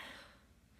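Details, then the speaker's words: Adult sick with a cold, sore throat and cough; a single brief, quiet throat-clearing cough fading quickly. "It's more sore throat and cough. But I'll have the cough for a week."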